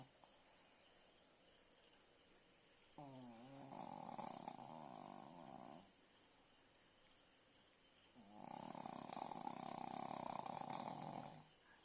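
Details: Two long, buzzing, fluttering snores about five seconds apart from a sleeping pug, a flat-faced dog, with soft background noise: snoring.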